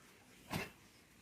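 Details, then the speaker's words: Sheep in a quiet pen, one of a flock being given cough and cold medicine for a case described as severe: a single short, harsh cough burst; cough. "batuk ya guys itu batuk ya seperti itu ya Nah itu batuk Semoga besok cepat meresap obatnya ya"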